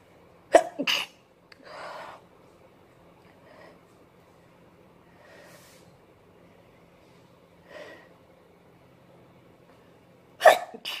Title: Sneezing fit! Powerful at first then stifles